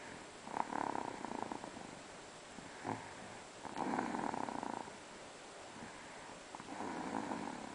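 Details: Light snoring in a sleeping pet wearing new shoes: soft, buzzing snores in repeated bursts of a second or so with short gaps.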